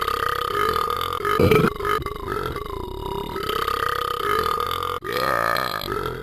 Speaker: I burped.